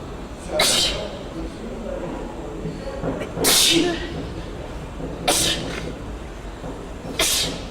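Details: Four sharp, hissing sneezes spaced a couple of seconds apart over steady background noise; ordinary sneezing.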